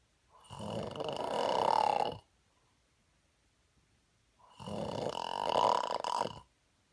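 Two long, harsh rattling snores about four seconds apart, with silence between.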